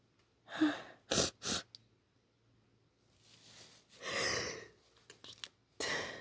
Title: wet spray sneezes